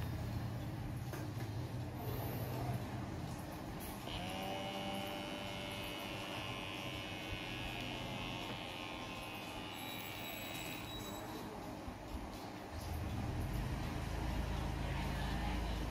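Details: Thin whirring pump whine lasting several seconds over noisy room background: an automatic ALR K2 061 wrist blood pressure monitor worn on the left wrist, inflating and measuring while the person sits upright, silent.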